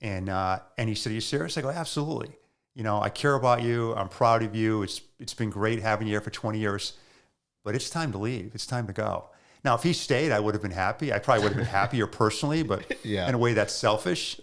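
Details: Adult man speaking; Normal adult male speech.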